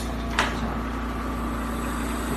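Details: Steady low mechanical hum with one brief click: air compressor running to supply a SERVO-i ventilator during a pre-use check for new nurses.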